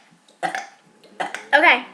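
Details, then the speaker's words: Male doing deliberate burps for a burping contest; three loud, drawn-out voiced burps in quick succession: intentional burping. "right now um david is going to be doing a burping contest so well not a bourbon condo it's just going to be burping and show you see this one okay ready"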